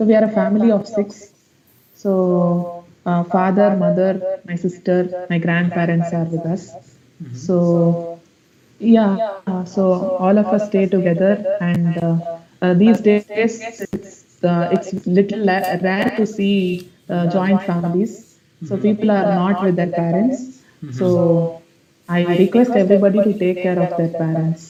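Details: Male student with a high-pitched, feminine-sounding voice for 5 to 6 years, recorded before therapy on assessment day; puberphonia.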